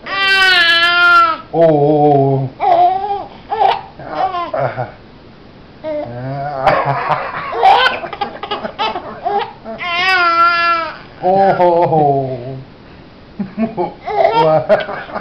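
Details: Infant cries in loud, high-pitched wails broken by lower fussing and babbling, in a recording that also includes hiccups and laughing: infant crying.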